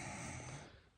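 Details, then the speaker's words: Acted imitation of a snoring woman, part of a comedy skit: a single low, rattling snore-like rumble lasting about half a second, then fading. "社長朝ですよ起きてください社長いびきやば社長やばいびきする女ってどう思う"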